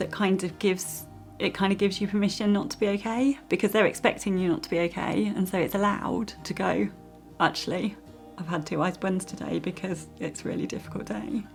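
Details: Adult woman speaking; ordinary fluent speech.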